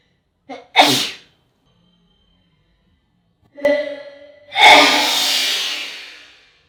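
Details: Two sneezes from an adult model, recorded with permission, each a brief voiced intake followed by a sharp, forceful burst of air; sneezing.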